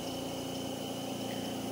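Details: Invacare 5 (IRC5LXO2) 5-litre oxygen concentrator, 127 V 60 Hz, running during repair testing after an initial power-on fault; oxygen concentrator running.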